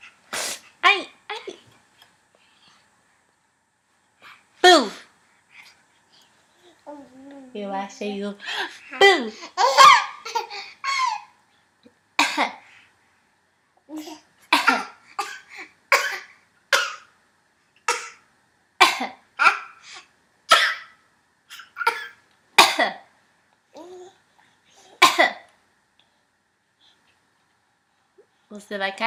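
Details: An infant gives a string of short, dry, deliberate pretend coughs mixed with babbling and giggly sounds; a voluntary cough.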